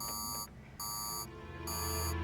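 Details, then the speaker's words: Patient call light alarm sounding from room 114 in a hospital, in a paranormal documentary dramatization; the resident had not pressed the call button. "The call light is a button tied to a cord in the patient's room. It's the way for a patient to communicate with us if they need help. But when she gets to the hallway where the patients are located, she discovers that the call alarm is coming from room 114."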